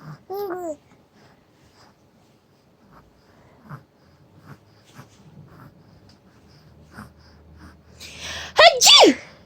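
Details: Single sharp, loud adult sneeze from a mother near the end, preceded by baby babbling and soft noises; an ordinary sneeze.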